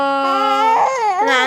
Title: 2month+16days my baby crying 🥹 memories 🫶 #baby #babycrying #babycry #viralvideo #viralbaby #shorts